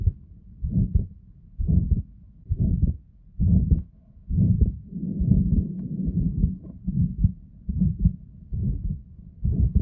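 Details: Pathological heart auscultation with the patient breathing in very quietly: low heart sounds at about 67 a minute with a continuous rushing murmur.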